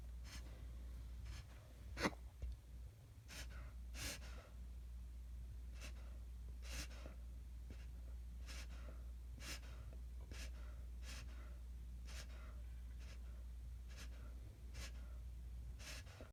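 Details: Dog named Jackson having a reverse sneezing episode: a rapid series of short, harsh snorting inhalations.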